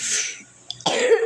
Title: STUMBLE UP 2 GUYS!! MAAP BATUK BATUK😁